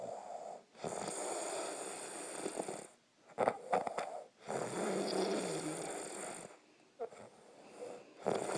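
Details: Very loud snoring, loud enough to wake the listener: rough, rattling breaths repeating in long, uneven cycles with brief quiet gaps.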